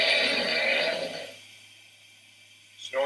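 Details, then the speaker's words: Imitated snoring with the chin dropped down during a sedation airway demonstration: one rough, rattling inspiratory snore signalling an occluded upper airway. "Snoring can cause us to laugh, but it's not a laughing matter. In this case, it indicates that we have an occluded airway."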